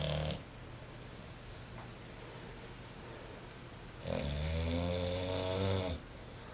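Low, rattling snores on the in-breath, separated by a long quiet pause, from a sleeping dog; ordinary snoring.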